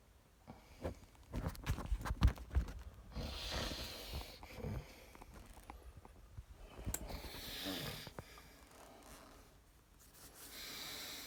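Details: Irregular snorting, gurgling noisy breaths with rhythmic knocks and rustling: stertorous breathing during an adult woman's generalized tonic-clonic (grand mal) seizure, her second in two weeks, filmed by her husband.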